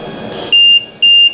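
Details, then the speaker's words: Loud, steady high beeps about twice a second: an LTV 1150 ventilator low-pressure alarm, deliberately triggered in a demonstration by a circuit leak or disconnect, then reset. "late now in getting a distance and I'm also getting a low pressure alarm I'm gonna find out what my problem is"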